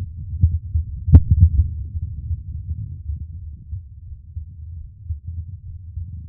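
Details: Soft, low, muffled thumps repeating steadily under a faint rumble, one brief sharp click early on: an adult man's own normal heartbeat recorded up close for ASMR.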